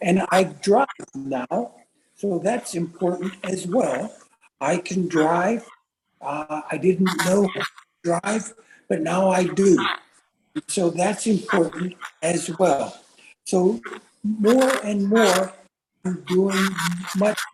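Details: Adult man with aphasia since a stroke about 3.5 years earlier, getting a little better, attending a stroke recovery center for over 2 years; aphasia.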